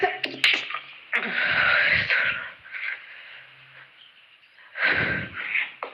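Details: Self-induced sneezes from a person with a cold: quick breath intakes, then two forceful hissing sneeze bursts and a shorter one at the end.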